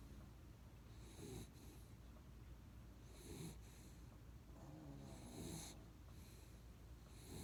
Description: snores